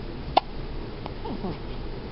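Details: A three-day-old newborn boy, who has frequent hiccuping fits and also hiccuped in utero for months, gives a single short, sharp hiccup with a faint second catch, over quiet room noise: hiccups.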